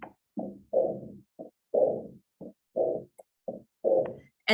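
Regular heartbeats at about 60 a minute, each followed by a long, rough, somewhat musical murmur.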